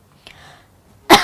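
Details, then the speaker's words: Deliberate, acted 'flirty' social cough demonstrated as a cough type: a faint breathy sound, then one short, sharp cough cut off at the end; not a sign of illness. "Kamu tahu nggak sih kalau misalnya kamu tuh sering nggak sadar, cewek atau cowok, kalau ternyata orang-orang yang di sekitar kamu tiba-tiba batuk, itu kamu nggak tahu artinya. Nah, batuk genit itu kayak gini nih."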